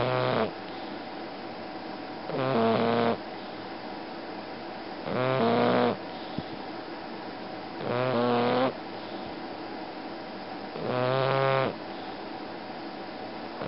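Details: Snoring in a sleeping bulldog: loud, rattling snores at about 22 per minute, each one a long vibrating rasp on the in-breath.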